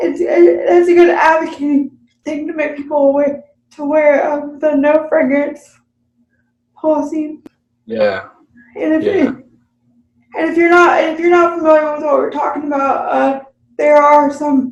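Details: Dysarthric speech in an adult woman with cerebral palsy, unscripted podcast conversation.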